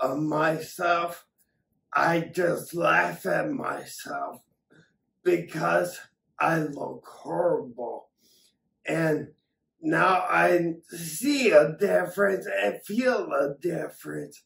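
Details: Adult man with acquired ataxia from several strokes damaging the cerebellum, affecting coordination, balance and speech; ataxic dysarthria.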